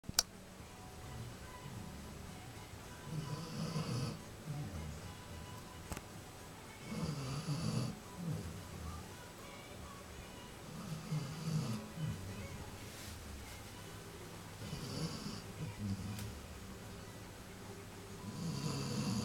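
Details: Loud snoring from a sleeping puppy, heard from the lounge: soft, rhythmic snores at about 16 breaths a minute, with faint background music.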